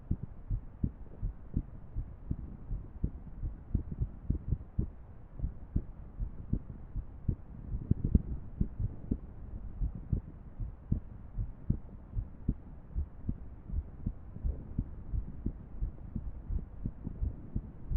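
Dull low heartbeats with uneven spacing over a steady hum, fitting an irregular heart rhythm.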